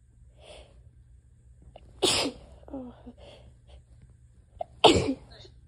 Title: 1/9/23, harsh, desperate, barky sneezes w/gf blessing me